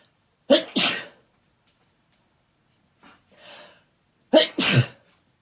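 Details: Two loud sneezes from a male in a bedroom, feeling unwell, each a quick intake then explosive burst, separated by a few seconds of quiet and a soft breath; sneezing.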